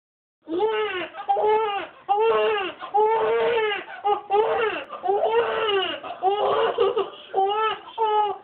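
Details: 13-year-old girl imitates a baby crying in repeated high-pitched wailing bursts, first with mouth open, then mouth closed; imitated baby cry.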